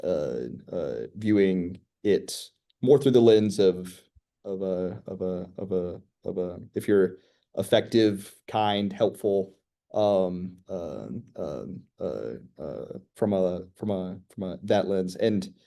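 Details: School-age girl who stutters, real person receiving speech therapy that teaches strategies such as slow speech; stuttering.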